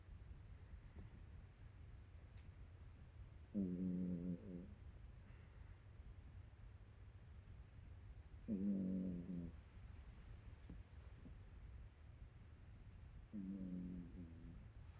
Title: Yorkie snoring